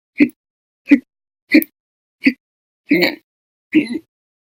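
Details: Persistent hiccups recorded October 2019, episodes lasting over 5 hours daily (up to 13.5 hours): six loud, abrupt vocal hiccups in under five seconds, forceful and irregular, about 85 a minute.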